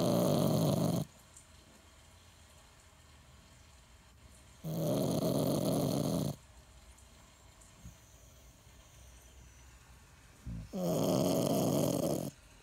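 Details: A sleeper in a snore battle between two sleepers: three loud, rumbling snores over about twelve seconds, separated by quiet pauses. Ordinary snoring.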